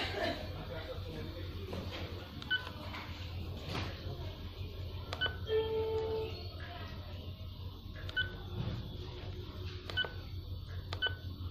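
Short electronic key-press beeps and one longer tone from an infusion pump during programming, over quiet room hum.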